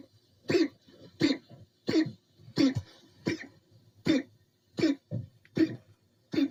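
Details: Dog coughing: repeated harsh coughing bursts, about nine in six seconds, each followed by a short softer sound; cough.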